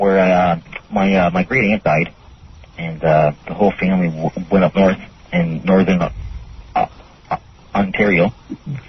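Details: Stuttering in an adult male caller who refers to his own stutter.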